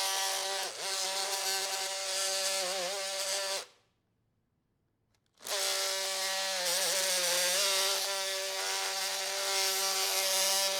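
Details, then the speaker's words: Oscillating bone saw making posterior femoral cuts during total knee arthroplasty with mechanical alignment for knee osteoarthritis: high, buzzing saw whine with a brief silent gap. "you will feel the resistance decrease when you have achieved the correct depth"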